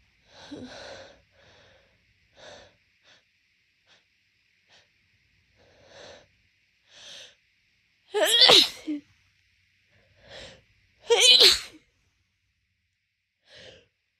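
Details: Person with allergic rhinitis waking congested daily for a month, before morning meds: stuffy sniffing and congested breaths, then two loud sneezes; allergic sneezing with blocked nose; phone resting on leg.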